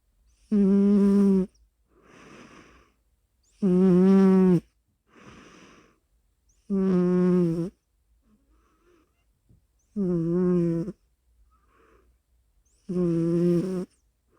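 Loud, regular buzzing snores on each breath in, with softer breaths out, about 19 breaths a minute, from a sleeping pet.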